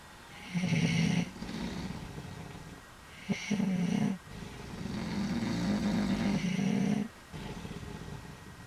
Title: Three Old Men Snoring